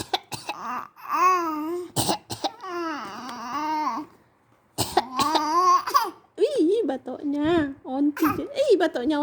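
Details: Six-month-old infant imitating an adult's cough: short, breathy cough-like bursts among high-pitched vocal sounds.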